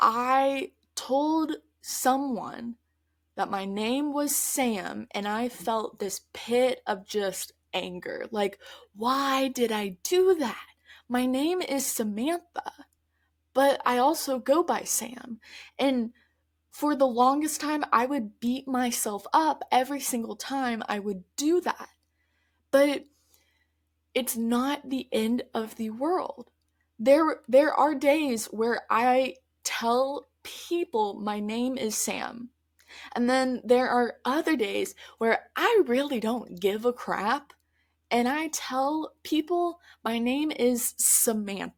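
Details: Adult woman who stutters, speaking conversationally on her stuttering podcast; stuttering.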